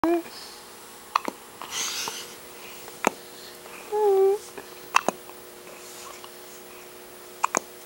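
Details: Baby with hiccups: about four sharp, abrupt gulping clicks a couple of seconds apart, with soft vocal sounds between them in a quiet room.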